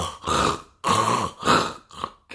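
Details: Human imitation of stertor in brachycephalic (flat-faced) dogs and cats, such as Bulldogs: loud, coarse snoring breaths, three long rattling pulls then a shorter one, from an inflamed soft palate occluding the airway.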